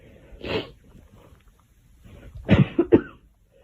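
One cough followed by a quick run of three coughs in a quiet room.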